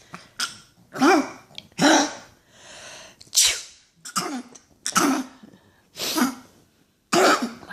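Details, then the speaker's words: Dog sneezing: a run of about eight short, forceful nasal snorts and sneezes in quick succession; the owner says the dog gets mad whenever the owner sneezes. "Why do you get so mad when I sneeze? Huh? And then you sneeze. I didn't get mad when you sneezed."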